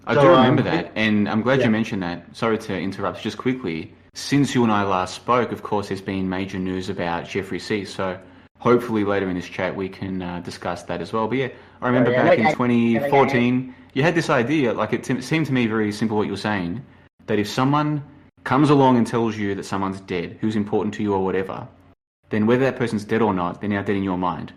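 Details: Adult man; typical speech.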